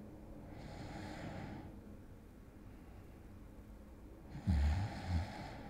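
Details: Two slow, airy breaths, the second with a brief low rumbling snort; light snoring acted in an ASMR roleplay of falling asleep beside a boyfriend, over a faint steady hum.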